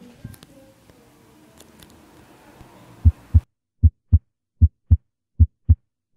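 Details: Teaching auscultation recording of paradoxical splitting of the second heart sound, which arises with reversed right-to-left electrical activation of the heart.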